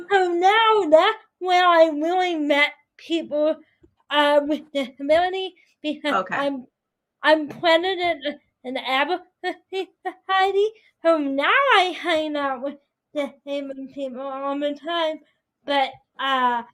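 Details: 22-year-old adult woman with spastic quadriplegic cerebral palsy affecting her whole body including speech, right side impaired, uses a walker or wheelchair: dysarthria.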